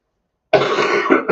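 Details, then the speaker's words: A single harsh, rattly productive cough with a brief second push, from a sick adult with chest congestion and a hacking cough during allergy season. The adult recently felt dizzy and worries about pneumonia. "obviously I have a productive cough"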